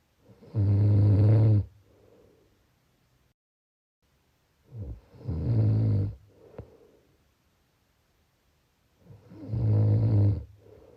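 Deep, buzzing snores on each in-breath with softer out-breaths, about every four to five seconds, around 13 breaths a minute; snoring.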